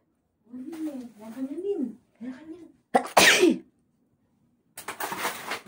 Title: allergy sneezing.